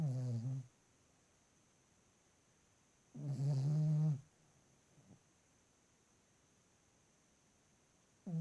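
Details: Two low, rumbling snores a few seconds apart from a 2-year-old female Ruby Cavalier King Charles Spaniel asleep at night right by the owner's ear in a quiet room: ordinary sleep snoring.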